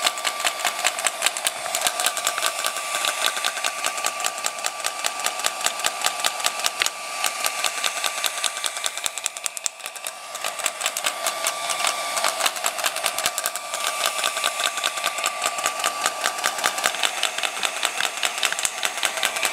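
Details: Rapid, steady mechanical tapping, about 150 pulses a minute, with a faint whine: a radial shockwave therapy handpiece firing during ankle or knee treatment with cooling gel.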